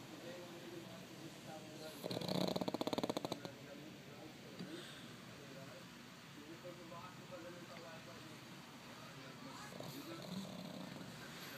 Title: Hector the Pug snoring